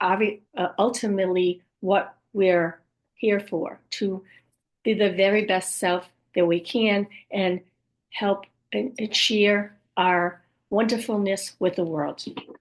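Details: Woman with aphasia and apraxia of speech after a stroke at age 58; she reports speech sometimes hard to understand and, especially early on, repeating words over and over to get them out; aphasia and apraxia of speech.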